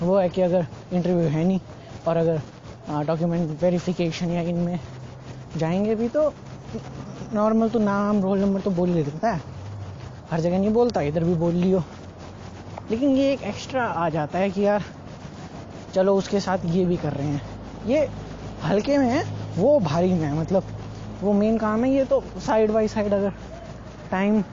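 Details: Male Hindi speaker doing daily speaking practice for his own stuttering (stammering); stuttering.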